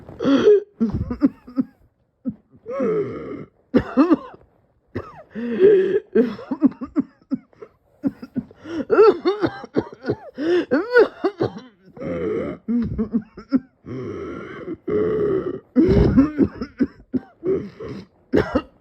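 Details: Prolonged coughing fit: nearly continuous harsh, throaty coughing with strained gasps and throat clearing, barely pausing for breath; the person felt dizzy and thought they would pass out.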